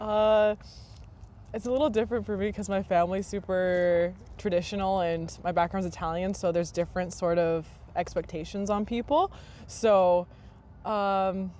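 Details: Adult woman speaking; typical speech.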